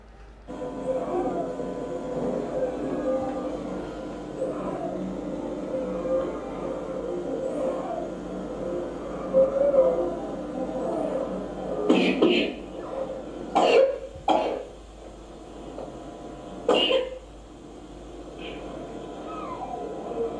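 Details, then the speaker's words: Child with acute breathlessness: musical, whistling (squeaky) expiratory noise, a wheeze, with visible costal recession and puffing cheeks, then several short, dry coughs. "so we've got a noise and expiratory noise I think most of us would say sq"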